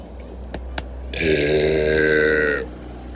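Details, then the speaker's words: Adult man (Ryan) on a boat: one long, loud, deep belch lasting over a second with a pitched voiced tone; an ordinary burp. "I'm back on a boat and I'm going to be doing another boat burps."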